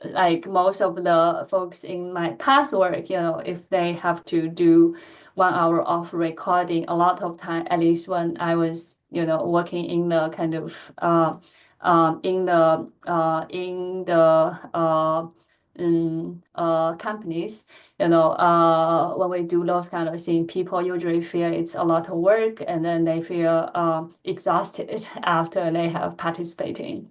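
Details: Adult woman who stutters, speaking during a lecture; she says her stuttering pattern varies with the listener and the situation; finding: stuttering.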